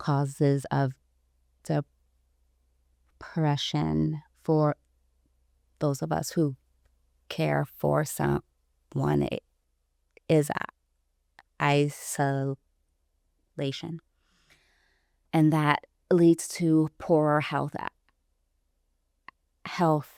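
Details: Stuttering in an adult woman, about 29 or older, who self-identifies as a person who stutters; stuttering.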